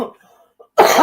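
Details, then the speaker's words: Cough: a faint tail of sound, a brief pause, then a single sudden loud cough burst from an adult woman who says she coughs habitually now, though it sounds better than before. "Uh, excuse me. I'm going to cough because this is what I do now."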